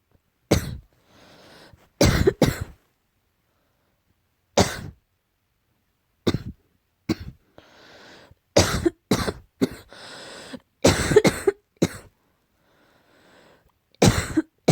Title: slight cough